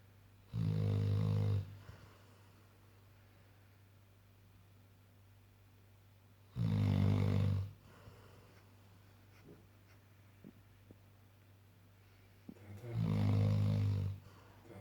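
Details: Three deep, low, rumbling snores about six seconds apart, roughly 10 breaths a minute, with steady low hum between; loud snoring.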